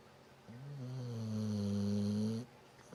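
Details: Dog snoring: a single drawn-out, buzzing, slightly whining breath sound lasting about two seconds.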